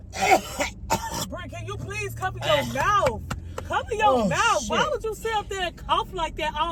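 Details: A deliberate cough burst from a man pranking his wife, followed by her animated, annoyed talking; a fake cough, not from illness.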